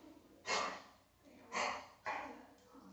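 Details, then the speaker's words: Dog diagnosed by a vet with a bad case of kennel cough, lethargic and coughing and heaving, no fever: three harsh, dry, honking coughs in quick succession. "she got pretty wound up when the doctor came in coughing and heaving and she's been pretty lethargic which isn't like her"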